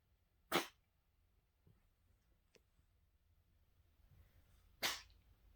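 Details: Cat coughing on March 1st: two brief, sharp explosive bursts a few seconds apart in a quiet room.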